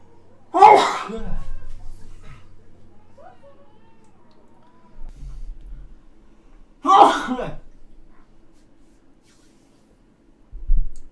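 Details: Uzbek man sneezing twice: two sharp, explosive bursts a few seconds apart, each followed by a low murmur.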